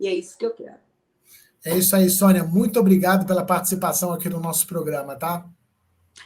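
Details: Adult speakers in a small room; normal speech.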